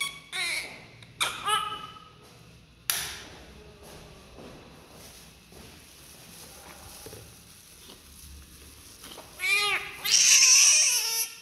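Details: Newborn crying during umbilical cord cutting, cord clamp fixing and cleaning: several short, high-pitched cries separated by quieter room noise and handling sounds; an ordinary newborn cry.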